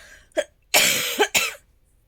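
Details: Persistent cough of several days that has not cleared despite medication given by her employer: a short run of three harsh, dry coughs with a sharp throat-clearing quality.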